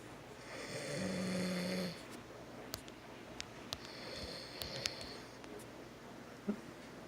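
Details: Father snoring in sleep: a couple of raspy, whistling snores over steady room hiss, with occasional clicks; snoring.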